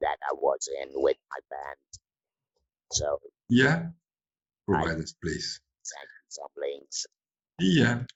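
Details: Adult woman from the Netherlands who has had laryngectomy surgery, leaving her with no natural voice, now speaking with an Inspiration electrolarynx; electrolarynx speech after laryngectomy.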